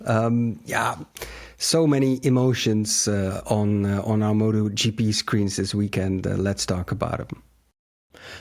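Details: Adult male speaker; normal voice.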